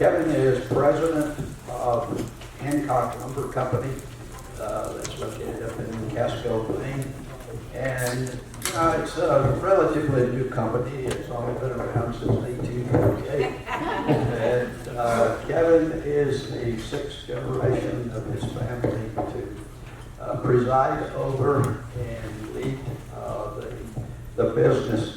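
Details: Adult male speaker introducing someone in a room; typical speech.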